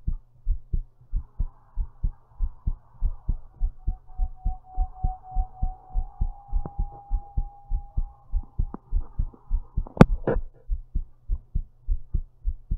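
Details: Strong, regular low thumps at about 100 beats a minute with faint background hum and one brief click; a forceful, thumpy heartbeat recorded while lying down.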